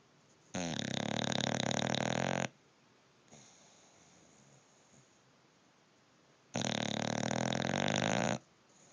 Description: Bulldog snoring cutest dog ever looks like snookie